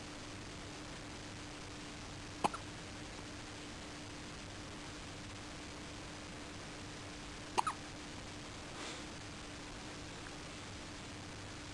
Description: her first hiccups., 3 days old